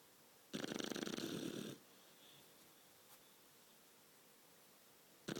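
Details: 12-week-old Shar-pei puppy sleeping after a long walk: one loud, rough, rattling snoring breath lasting about a second, then quiet and the start of the next breath; snoring.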